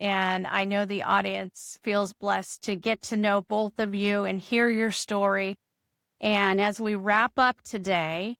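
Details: Adult female speaker; Normal speech.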